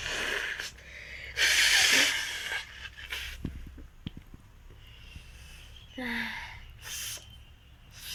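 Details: Acted sneezes in a sneezing and nose-blowing challenge: loud sharp airy bursts with a short voiced cry, then snorts and sniffs; performed sneezing.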